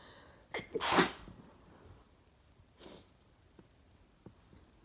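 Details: Adult who thinks they might be sick: one forceful sneeze after a short build-up breath, then quiet breathing and faint sniffs.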